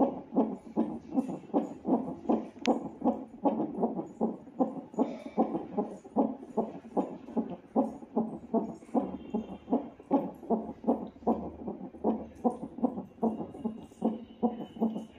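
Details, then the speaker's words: Fetal heartbeat on hospital CTG monitoring in a pregnant woman in labour pains: rapid, regular whooshing beats at about 150 per minute from the monitor speaker. "నా baby heart beat వినండి. Heart beat వింటున్నంత సేపు ఎంత హ్యాపీగా అనిపిస్తదంటే అంత హ్యాపీగా అనిపిస్తది."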